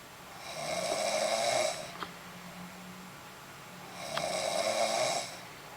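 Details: An adult woman deeply asleep in bed gives two loud, rasping, fluttering snores on the in-breath with quieter out-breaths, about 20 breaths a minute. Snoring during sleep.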